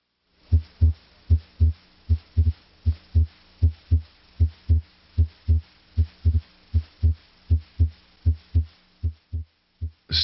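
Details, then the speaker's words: Stethoscope auscultation at the aortic and pulmonic areas, where S2 is usually louder than S1: regular paired heart sounds about 78/min with no extra sounds. Normal heart sounds (S1 and S2). "in the aortic area and also in the pulmonic area S2 is usually louder than S1"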